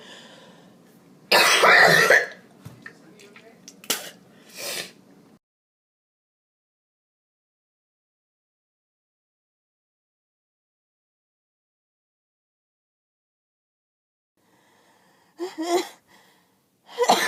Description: Every cold I get goes to my chest and this was a really bad one.